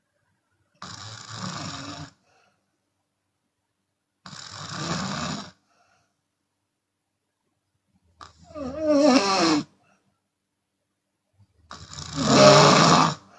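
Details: Open-mouth snoring in a sleeping Chinese woman, with occasional exhalation: four loud harsh snores about 17 a minute, rattling and growing rougher, with silent gaps.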